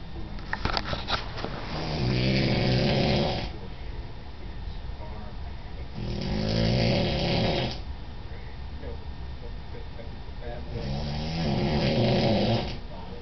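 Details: Adult man (father) snoring in sleep: loud, rough, rattling snores on each in-breath, roughly every four to five seconds, over faint room noise; heavy snoring.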